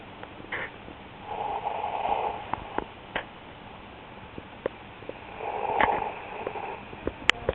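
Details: Two soft, rough snoring breaths a few seconds apart from a sleeper, with scattered clicks and room noise.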